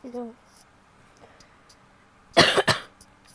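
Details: Female coughing: a brief voiced sound, then two sharp, forceful coughs in quick succession; plain cough.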